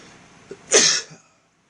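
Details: Sneeze deliberately induced with floss in the nose: a faint catch of breath, then one sharp, explosive, hissy burst fading out quickly; a single sneeze.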